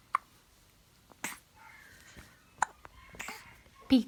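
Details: Hiccups in an infant girl: several brief, sharp catches spaced irregularly about a second apart in a quiet room, with faint soft vocal sounds between them.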